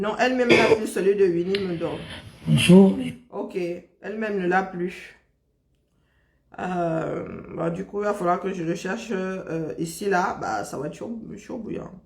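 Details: Adult speaker; normal voice.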